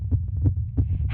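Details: Rapid, regular low thumps near 160 a minute, a young woman's excited heartbeat picked up by a microphone throughout a performance; tachycardia.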